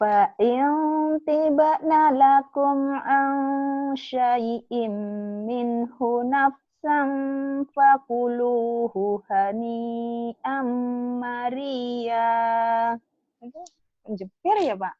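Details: Adult reciting aloud; Normal voice.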